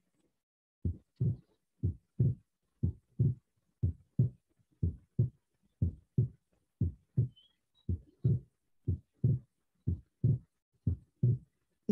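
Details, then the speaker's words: Training recording of physiological splitting of the second heart sound: regular lub-dub near 60 a minute, with the second sound splitting during inspiration and single during expiration, a normal finding. "porque ele vai colocar como se tivesse um escutando uma pessoa na inspiração ocorre o desdobramento"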